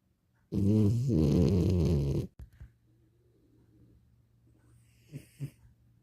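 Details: Sleeping pet dog snoring peacefully: one long, low, rumbling snore on the in-breath, then quiet breathing and two soft snuffles.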